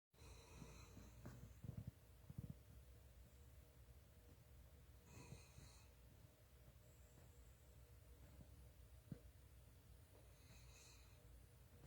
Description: my dog teko snoring